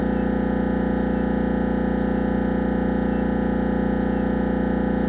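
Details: Siemens Magnetom Avanto MRI head scan: loud, steady, rapid mechanical buzzing drone, about 160 pulses a minute; MRI scanner noise.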